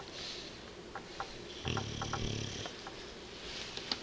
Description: Tank the snoring bulldog, you can't get between him and his beauty sleep!